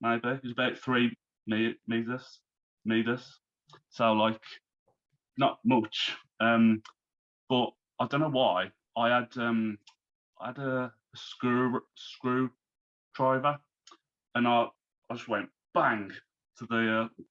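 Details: Man, now 34, who had a stroke at 33 about three months earlier, losing speech, reading and writing; recovering, with speech worse when tired; aphasia after stroke.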